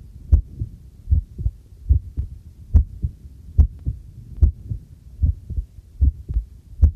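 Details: Own normal heartbeat recorded with a homemade field stethoscope microphone while doing housework: steady deep lub-dub about 73 a minute, with faint household clinks behind.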